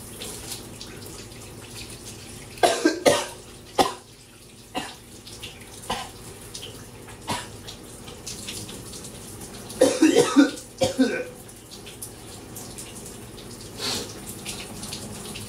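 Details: Clusters of harsh, rapid coughs in bouts with scattered single coughs between, over steady running shower water; repeated coughing fits while showering, from a persistent bug in the throat.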